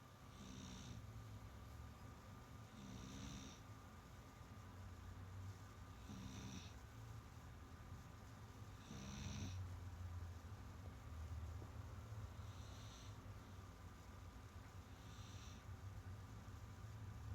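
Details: Ruby, a sleeping cat, snoring quietly and softly, with faint snorts every few seconds over a low room hum.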